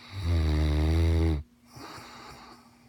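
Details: Snoring mastiff: one loud, deep, vibrating snore lasting over a second, then quiet breathing; ordinary heavy snoring.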